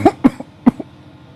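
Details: An adult man chokes on bread he was eating while his wife spoke to him. Three sharp, harsh coughs come in quick succession, each followed by a short catch. The choking is acted.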